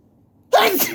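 A single sharp, explosive sneeze bursts out of silence, short and forceful, an ordinary sneeze.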